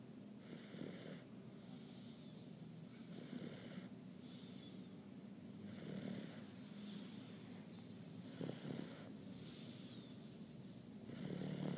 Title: My snoring son